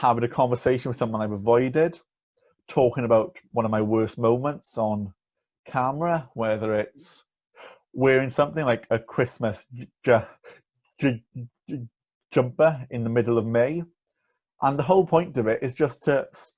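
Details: Stuttering (stammering) with blocks on words in an 18-year-old male with a lifelong stammer, which he describes as a neurological condition.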